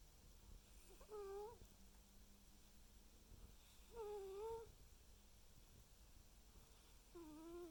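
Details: Male cat snoring while asleep: soft snoring breath sounds.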